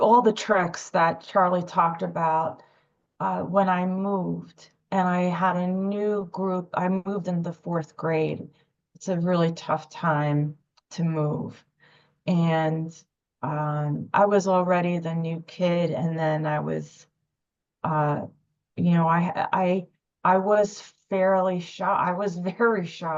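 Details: Adult woman speaking; stuttering.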